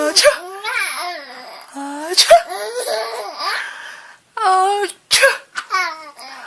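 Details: Adult (mother) sneezing: three abrupt sneezes, each followed by hearty baby laughter and giggling.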